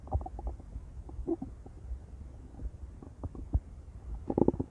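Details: Intense stomach growling: low rumbling with scattered gurgles and squeaky bubbling pops, ordinary bowel sounds.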